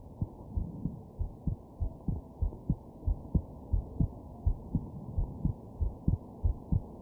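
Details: Muffled, regular lub-dub heartbeat at about 90 beats a minute with low background hum, recorded at night while sick with a stuffed-up nose and having hiccups.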